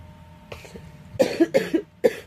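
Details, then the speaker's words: Girl coughing with a cold: a faint cough then a short run of three loose, throaty coughs, light room noise. "Excuse me. I am so sorry, everyone. I'm struggling with this cold."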